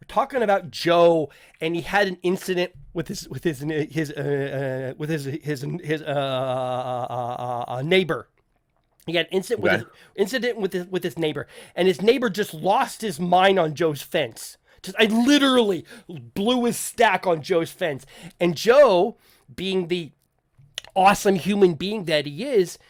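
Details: Adult male podcast host who says he stutters, with people in voice chats often asking him to repeat himself; word repetitions such as repeated phrases; stuttering.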